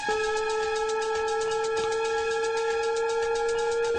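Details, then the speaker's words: Defibtech Lifeline DDU-100 automatic external defibrillator in a demonstration: after voice prompts for rhythm analysis, "shock advised, charging, stand clear", it gives a steady, continuous electronic charging tone before the shock button flashes. "analyzing heart rhythm do not touch the patient shock advised charging stand clear"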